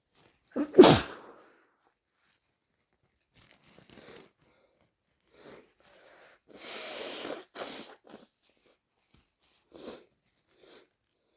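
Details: Person with a cold, stuffy nose, sore throat, headache and slight dry cough induces sneezes to relieve congestion: a forceful explosive sneeze, quieter breaths, then a noisy nose blow.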